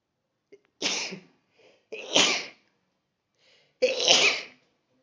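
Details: Adult woman, the recorder's mother, sneezing: three sharp sneezes in a row, each after a short catch of breath.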